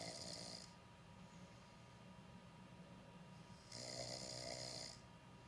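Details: Ordinary snoring during deep sleep: two rough, rattling snores on the in-breath with a quiet pause between them.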